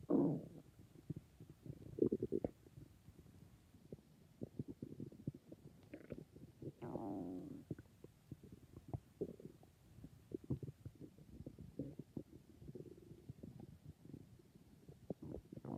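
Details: Stomach growling (borborygmi): irregular gurgles, squeaks and bubbling rumbles from the belly with quiet gaps; ordinary bowel sounds.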